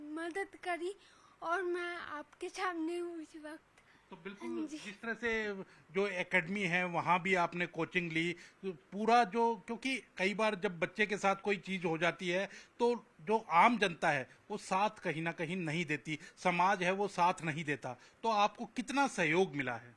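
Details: Adult woman interviewer speaking Hindi; normal speech.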